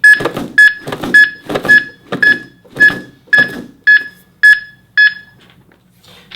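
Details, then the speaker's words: HeartSine Samaritan PAD AED training demonstration after a delivered shock: regular tones with thumps at about 110 per minute; AED metronome pacing chest compressions of 2 to 2.4 inches during CPR. "So it's going to walk me through with that metronome rate for my compression rate, and I want to remember to go 2 to 2.4 inches on my compressions."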